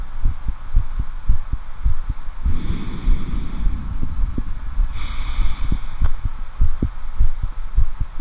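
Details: Real heartbeat of an adult male, normal heart sounds, recorded on his own shirtless chest with a standard stethoscope during self-examination.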